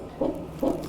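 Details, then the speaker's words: Fetal heart sounds in a woman near delivery in her 7th pregnancy, with contractions, heard during midwife exam: soft rhythmic whooshing beats, rate within normal 120–160: normal fetal heart sounds. "moins moins intense, mais au niveau des bruits du cœur de l'enfant, c'est bon. Ça va, ça situé dans dans la normale entre 120 et 160, c'est bon."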